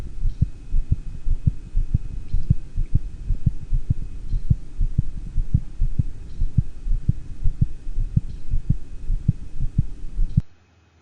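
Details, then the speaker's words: Normal dog heart sounds recorded at the heart base: regular paired lub-dub beats with the second heart sound slightly louder than the first. "let's listen to a normal dog again this time we're going to listen at the heart base and the second heart sound is going to be a little bit louder"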